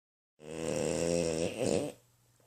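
One loud, long rumbling snore with a strong vibrating buzz, ending in a short catch; snoring.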